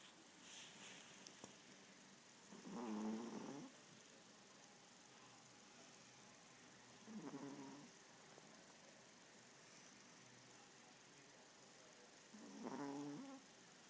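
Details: Male Yorkie snoring while asleep: three soft, low, rattling snores about five seconds apart, roughly 13 breaths a minute, over quiet room noise.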